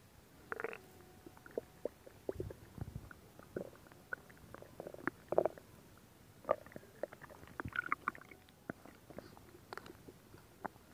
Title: Stomach Sound [Stomach Growling][ASMR] [2022-07-14]